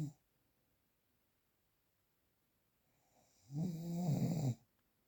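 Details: Real, unprocessed recording: a single low, rattling snore on a breath in, with quiet between breaths; ordinary snoring.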